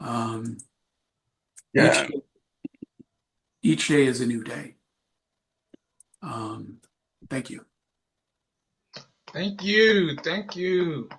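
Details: Aphasia in an adult male, acquired after a traumatic brain injury from a bike accident without a helmet and about a month in a coma, about four and a half years post injury, presenting at an aphasia support group.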